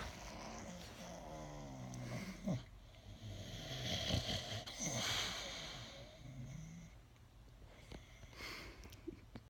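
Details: Pit Bull dog Hopper snoring while sleeping: rough, fluttering breathing with some whistling.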